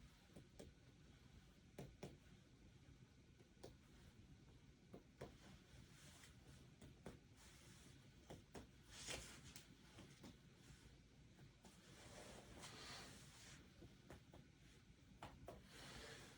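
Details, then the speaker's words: Soft, hollow finger-on-finger percussion taps over intercostal spaces of the chest using the ladder technique during a respiratory assessment, giving a resonant note; normal air-filled lung. "that sounds good we're checking for the resonance resonance indicates air which is exactly what should be in your lungs"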